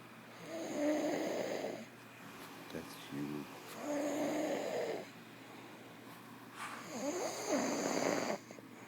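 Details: Loud, rattling inhaled snores, three in about nine seconds (around 20 a minute), separated by quiet exhalations: snoring.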